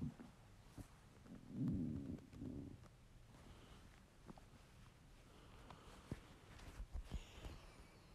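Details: Male's hungry stomach: a soft low rumble and gurgle over quiet room noise; borborygmi, ordinary hunger growling.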